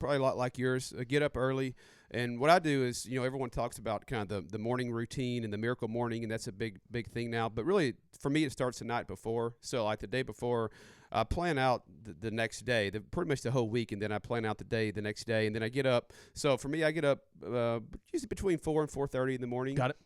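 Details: Adult man speaking; Normal adult speech.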